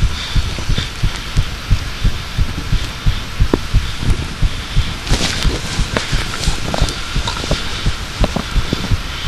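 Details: Steady, regular low heartbeat thumps heard clearly over a constant background hiss; a second, improved recording attempt.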